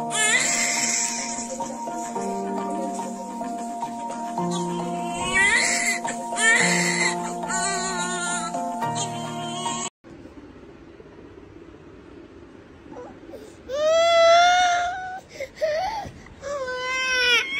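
After music fades, an infant gives several short, high-pitched cries with a tense, wavering pitch.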